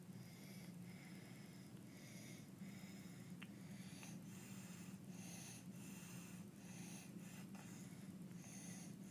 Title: baby with Croup Stridor Barking Cough visual & audio sound